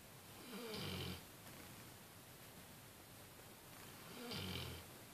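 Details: Loud snoring: two loud, low rattling snores on inhaled breaths, about three and a half seconds apart.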